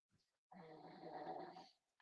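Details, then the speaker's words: Sleeping dog: one long, rattling, buzzy snore on an in-breath, heard during a conversation; owner says the snoring will go on; snoring. "You hear my dog Oh, snoring? listen,"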